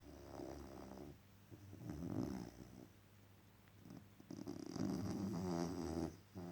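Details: Dog sleeping after an exhausting day: rattly, fluttering snores in bursts with quieter breaths between; snoring.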